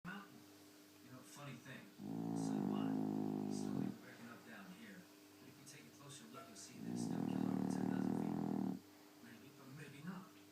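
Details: Female dog snoring while asleep: two long, loud, rumbling snores with quieter snuffling between, over faint household hum.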